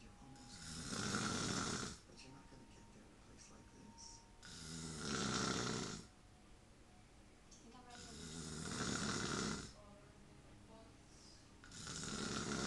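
Loud, rough snores on each breath in, about 16 a minute, with quiet pauses between them; ordinary snoring.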